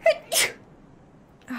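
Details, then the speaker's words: Female streamer says she feels a sneeze coming, then a quick inward catch of breath and one sharp, explosive burst; a single sneeze. "oh no I feel a sneeze he didn't talk to me or anything though I feel a sneeze oh Jesus I just sneezed all over myself"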